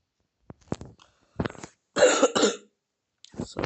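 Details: Coughing from a sick child with a sore throat while playing a video game: several short coughs and throat clearing in a quiet room.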